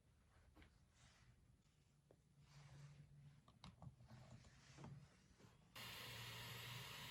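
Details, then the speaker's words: Travel CPAP machine switching on: quiet room hum and faint clicks, then a steady airflow roar from the machine. "Alright guys, now I said I'll give you a few little pointers on how to reduce the ambient noise from your travel CPAP machine."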